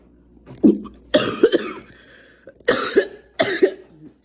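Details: Three harsh, hacking coughing bursts after a short throat sound, in an adult congested with a runny nose, sneezing and itchy throat, while inhaling menthol steam.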